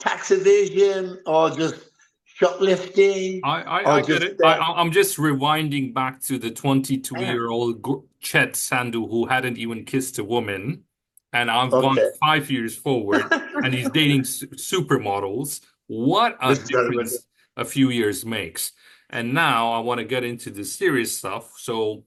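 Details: Adult male speaker; typical speech.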